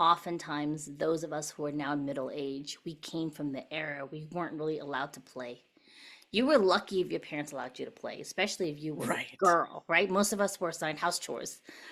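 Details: Adult woman speaking; normal speech.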